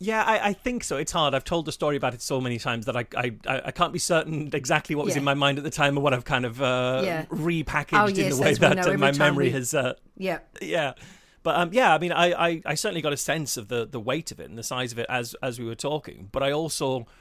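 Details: Adult male speaker in conversation; normal conversational speech.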